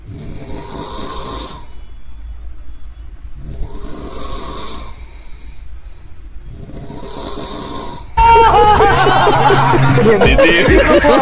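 Three loud, rasping snores at about 12 per minute, then music cuts in; heavy snoring in sleep.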